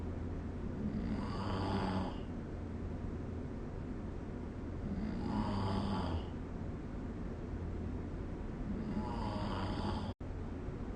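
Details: Snoring recorded with the SnoreLab app: three rough snores on inhalation, about one every four seconds (roughly 16 breaths a minute), over a low steady hum.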